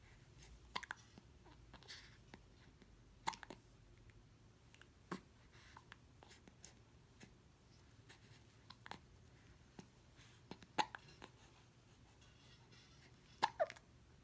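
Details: Baby with hiccups: brief, sharp, irregular hiccup sounds, about 23 a minute, in a quiet room.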